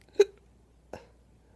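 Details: Two short, abrupt hiccups about three-quarters of a second apart in a quiet room; typical hiccups.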